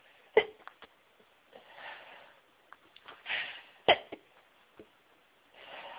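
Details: Very sneezy person recording a variety of sneezes, including high-pitched, stifled and into tissues: two sharp sneezes with softer breathy intakes and stifled bursts between.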